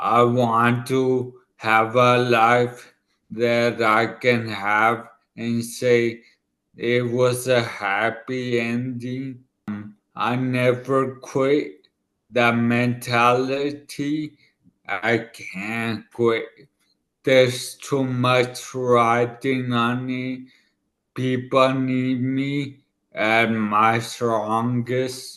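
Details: 40-year-old man about two years after a right-hemisphere ischemic stroke affecting his left side and part of his tongue and mouth, who relearned to speak: dysarthria after ischemic stroke.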